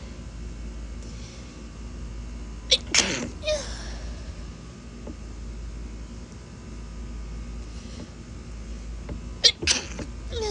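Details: Female, stifled sneezes: two pairs of quick, muffled sneeze bursts, about four in total, separated by quiet room noise; sneezing.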